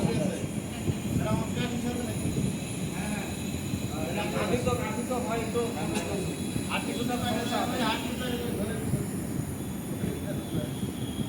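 Steady low mechanical hum of a nebulizer compressor running continuously under overlapping voices in a room.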